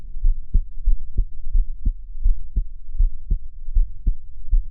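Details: Heartbeat recorded while the person is crying: a steady, regular lub-dub at about 80 beats a minute, with deep thumping beats and a low hum.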